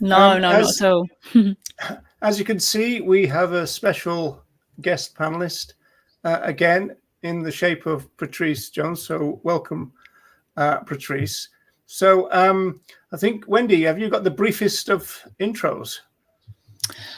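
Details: Adult speaker; normal speech.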